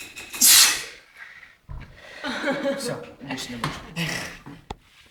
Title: Crazy sneeze